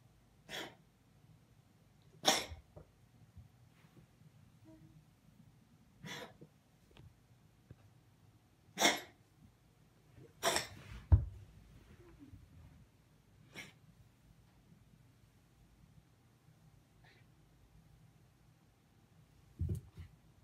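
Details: Cat in a cold hallway gives a series of short, sharp, explosive coughs spaced several seconds apart in a quiet room; owner suspects heat shock from the cold.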